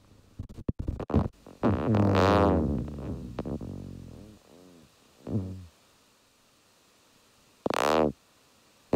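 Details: Needle EMG speaker output: individual muscle fibres firing rapid runs of action potentials that wax and wane in frequency and amplitude, a rising-falling dive-bomber buzzing; myotonic discharge on EMG.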